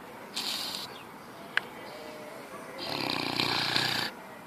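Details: A dog's short, hissing nasal snort, then a longer rattling snort-snore a few seconds later over faint room noise; piggy-like snort-snoring.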